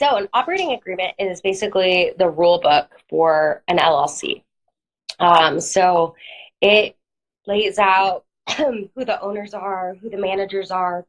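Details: Adult woman; normal voice.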